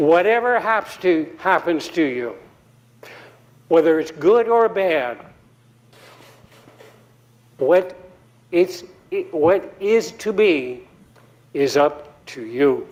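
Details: Adult man giving a TEDx talk after a 2017 embolic stroke due to atrial fibrillation, at an earlier recovery stage. He later says he was still speaking poorly then. Post-stroke aphasia.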